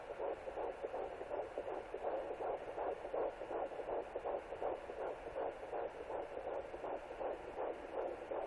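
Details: Fetal heartbeat at 11 weeks 0 days, heard on a Sonoline B pocket fetal Doppler: rapid, regular whooshing pulses at about 160 beats per minute.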